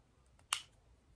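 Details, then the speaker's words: A single sharp click in a quiet room as a finger-prick lancing device is loaded with a needle, used by a person with type 1 diabetes for glucose testing; lancing device click. "You could hear that click, that means it's loaded. There's the needle."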